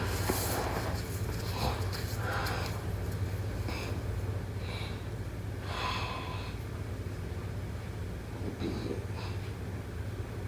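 Irregular snorting, rattly breath noises recur over a steady low hum in the room, consistent with snoring during sleep.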